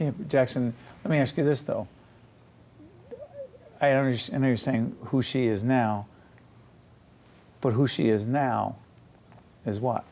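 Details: Adult man speaking; ordinary speech.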